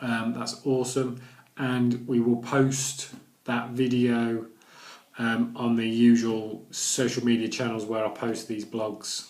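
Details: Adult man who stammers, recorded during recovery after Starfish Project stammering therapy; his speech was much more severe before therapy; stuttering (stammering).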